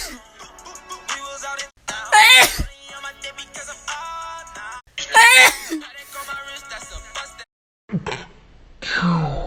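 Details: Two loud, sharp sneeze bursts, then a softer one near the end, over background music; ordinary sneezing.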